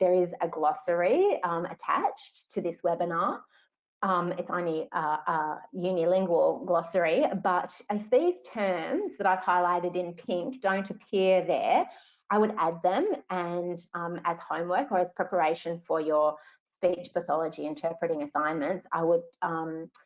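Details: Adult woman speaking; normal speech.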